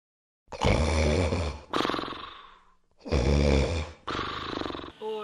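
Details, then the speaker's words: Husband's heavy nightly snoring, which he denies: loud, rough, rattling breaths on both inhaling and exhaling, about 12 breath cycles a minute. "my husband tries to say you don't snore right tonight I'm gonna prove him wrong just watch now see that's what I have to do with every single night it gets really annoying"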